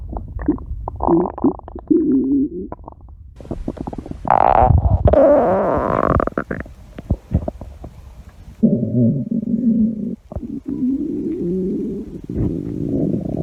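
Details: Woman's stomach growling: loud, long gurgling and rumbling with squeaky rising tones and bubbly runs between quieter stretches; ordinary bowel sounds (borborygmi).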